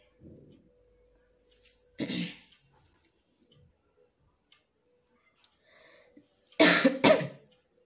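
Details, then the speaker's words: A few scattered coughs with throat clearing, then two strong coughs close together, from a person with a tickly, sore throat and hoarse voice; the cough is worse at night and painful, with no cold. "আর কাশতেই ভালো লাগছে না, একটু আগে চা খেতে হবে, গলাটাও বসে যাচ্ছে। তারপর কাশলেও এগুলো পুরো ব্যথা করছে, ভালো লাগছে না।"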